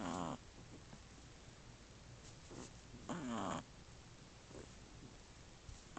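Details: Shih Tzu puppy aged 1 month 3 weeks, sleeping with littermates (one snoring faintly, one in REM): soft, irregular snorting snores and small squeaky breaths with quiet gaps.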